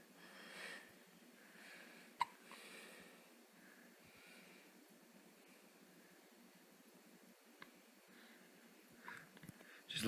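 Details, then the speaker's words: Hiccups in a young girl: a few sudden, sharp hiccup sounds separated by quiet breathing in a small room. "has the hiccups."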